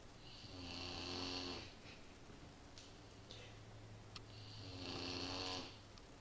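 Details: Sleepy Great Dane puppy snoring: two soft, whistling, nasal snores over a quiet room hum.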